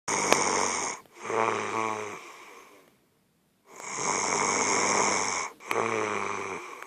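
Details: Very loud, heavy snoring from a person: rough snoring on each breath, with rattling on the breath in and a short silent pause between cycles.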